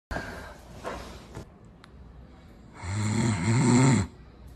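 A loud, low, rattling snore on the in-breath follows quieter breathing in a small room.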